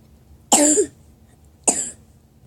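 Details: Two separate sharp cough bursts about a second apart in a quiet room; cough.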